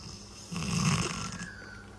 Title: Ranking the Funniest DOG SNORING moments! #snoring #dog #funny #ranking #shorts